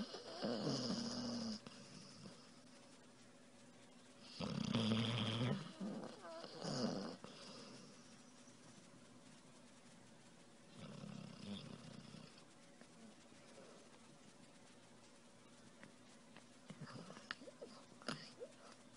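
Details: Puppy snoring while asleep: soft, rattly breaths with quiet pauses between them in a quiet room.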